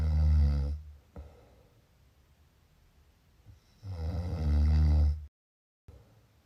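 Two loud, deep rattling snores on inhaling, separated by quiet breathing; ordinary snoring during sleep.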